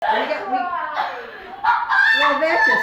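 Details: A child's deliberately dramatic sneeze, copied from her older sister, which she says was real: drawn-out voiced build-up, sharp burst, then a sing-song crowing tail.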